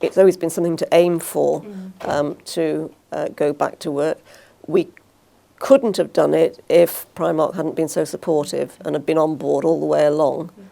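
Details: Adult woman speaking; no disorder.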